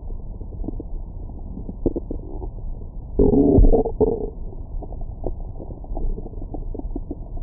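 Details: Low, muffled gurgles and clicks with a louder rolling growl midway: active bowel sounds (borborygmi) recorded with a Stemoscope stethoscope microphone on the abdomen after a large meal.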